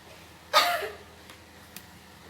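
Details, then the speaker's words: Adult male patient aged 30 in a nursing OSCE effective-cough teaching: after deep breaths, on count of three inhales, holds, then one hard forceful deliberate cough in a quiet room to clear phlegm. "Pada hitungan ketiga, tarik nafas, tahan, lalu batukan dengan keras."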